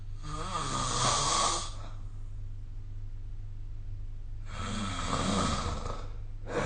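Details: Snoring during sleep recorded with the SnoreLab smartphone app: two loud, rough, rattling inhalations a few seconds apart with quiet breathing between.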